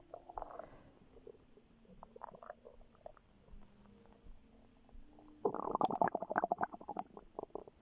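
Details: Stomach growling in a pregnant woman, relaxing before contractions began: soft creaks and tonal groans, then a burst of loud bubbling gurgles.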